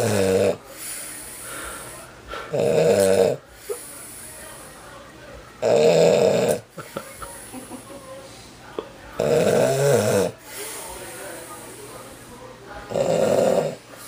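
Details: Loud, rattling snores in regular bursts about every three to four seconds, five in all, with quiet breathing between, from a heavy man asleep on Christmas Eve; heavy snoring.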